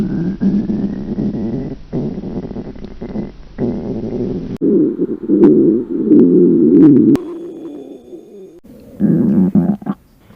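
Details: Reenacted hungry stomach growl of a girl who skipped breakfast before going to a pool: long low gurgling rumbles with pauses; ordinary bowel sounds (borborygmi).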